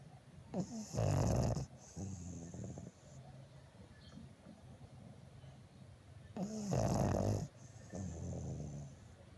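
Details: Two loud, rumbling snores on the in-breath, each followed by a softer fluttering out-breath; snoring during sleep.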